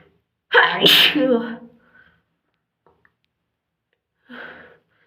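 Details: One loud, voiced sneeze with a sharp burst, then a softer second sneeze a few seconds later, in a quiet room; sneezing.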